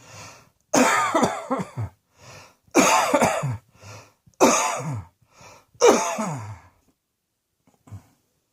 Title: Cross Dressing Coughing 7